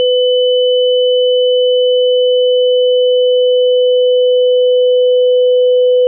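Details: Simulated tinnitus sound.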